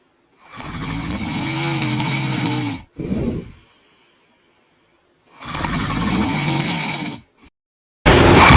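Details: Adult man (a father) snoring in his sleep at night: loud, rattling snores on breathing in, two long snore bursts separated by quiet pauses, with a brief noisy burst at the end.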